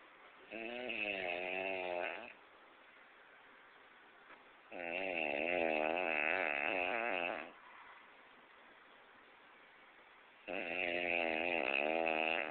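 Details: Three long, loud, rattling snores about two seconds each with quiet pauses; heavy snoring during sleep.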